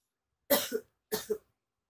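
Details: An ill adult lying in bed trying to sleep, with sore throat, shortness of breath, cough and nausea, gives two short, harsh coughs, each with a clipped second part.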